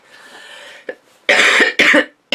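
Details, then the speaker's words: A soft throat clear followed by two loud, harsh coughs in quick succession from a woman who says she is sick. "i'm sorry about the coughs i might even edit those out with the sound bite"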